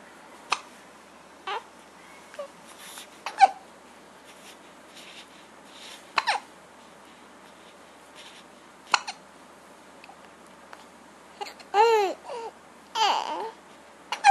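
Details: Young girl with her usual bout of hiccups trying to talk through them; repeated sudden, sharp gulps at irregular intervals, about eight in fourteen seconds, with voice sounds between; hiccups.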